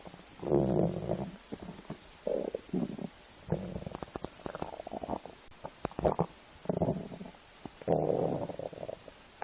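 Loud, low gurgling and bubbling rumbles come in waves, which is ordinary stomach growling from gas and fluid moving through the gut.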